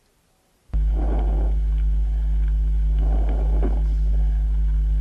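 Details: Two soft, low rustling breaths over a steady low hum, loudest on breathing in; normal vesicular breath sounds.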